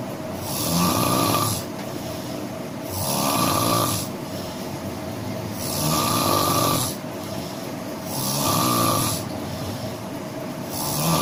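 Loud, rough snoring on each breath in, about 5 breaths over 11 seconds, roughly 24 a minute; ordinary snoring.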